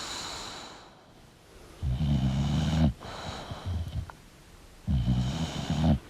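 Loud, rough, low snoring on each breath in, with quieter snorting breaths between; two snores in about six seconds.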